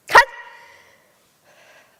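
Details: 11-year-old girl with Tourette syndrome, diagnosed 2013, speaking publicly: sudden sharp bark-like vocal burst, a simple vocal tic; she also has swearing tics.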